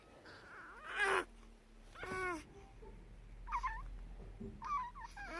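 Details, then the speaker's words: Brief straining squeaks and grunts from a newborn during repeated, excessive stretching episodes, with soft music behind. The parent first feared seizure, but these are normal newborn stretching sounds. "so in this video ang ise-share ko sa inyo ay tungkol doun sa mga videos compilation ni amira ng videos ng pag-iinat niya yung too much stretching na to the extent na meron pang sound ganyan"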